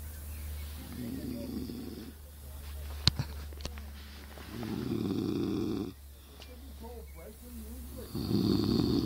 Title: mr fluffy snoring